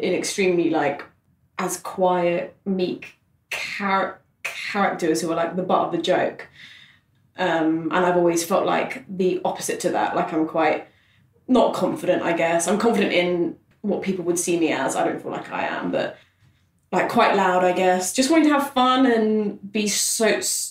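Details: Adult man who has stammered since childhood, for about 25 years; stammering.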